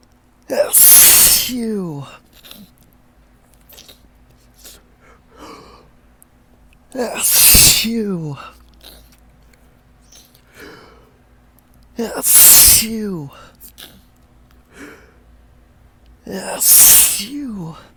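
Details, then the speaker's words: Allergic sneezing from ragweed pollen on a windy morning: four loud, wet, drawn-out sneezes, each preceded by a rising, stuttering, hitching in-breath as the nose tickles, with short quiet gaps between. "So prickly and I could just feel the tickle just swelling in my nostrils. Making me hitch and gasp it. Oh, oh my God! It's so strong."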